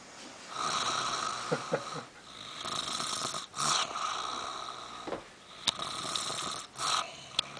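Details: Elderly woman (granny) snoring while asleep: repeated rough, rasping breathing noises with a whistling, tonal edge, run together with only brief pauses.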